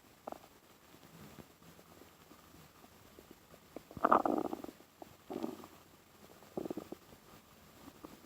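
Several short gurgling rumbles over quiet background, ordinary bowel sounds from an infant's stomach; normal.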